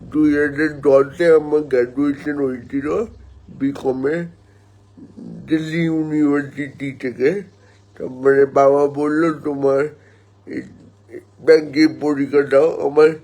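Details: Adult man born 1988 speaking Bengali, with spastic cerebral palsy from oxygen lack at birth damaging motor nerves, affecting hand and leg function and muscle tone; dysarthric speech in cerebral palsy.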